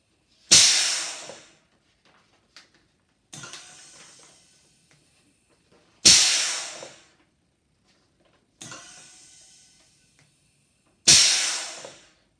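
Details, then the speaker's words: A DIY automated Ambu bag (bag valve mask) ventilator technology demonstrator with a pneumatic valve and a 12 V DC compressor, its cycling frequency being increased: loud hissing air bursts alternate with softer releases, about every five seconds. "we wanted to increase the speed of the machine here the frequency is being increased here we have a pneumatic valve design and we've sealed the other outlet in we've got 12 volts DC coming for transporting from a compressor"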